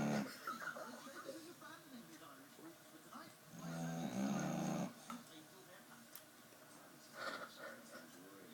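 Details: Female Staffordshire bull terrier snoring loudly while asleep: heavy, rumbling snores with a whistling, humming quality against faint room noise.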